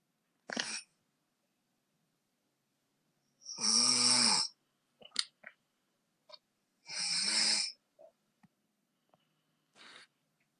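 Two loud, rasping snores about three seconds apart, with faint breath noises between them in a quiet room; ordinary snoring.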